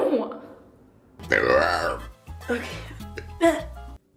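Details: Burping as a comic act in a compilation: several deep, croaky belches with music and voices in the background.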